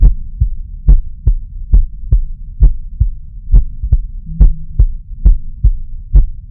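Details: Regular paired low heart sounds at about 69 beats a minute over the mitral area, recorded with a Stemoscope Bluetooth wireless stethoscope: normal rhythm.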